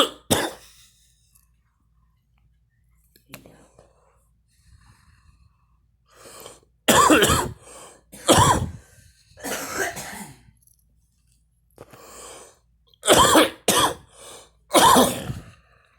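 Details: A woman smoking and coughing: a series of loud, harsh coughs, about six bursts, with quiet breathing between.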